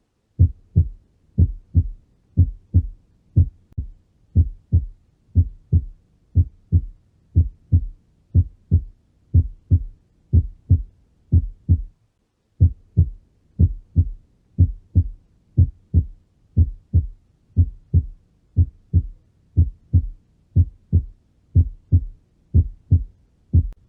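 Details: Normal heart sounds played in an animal physiology lesson, shown before a pathological systolic murmur case: regular paired lub-dub beats at about 60 a minute, a short gap within each pair, a longer pause between pairs, no extra sounds.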